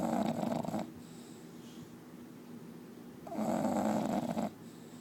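Long, loud rumbling snores with a quiet pause between them; heavy snoring from a bulldog.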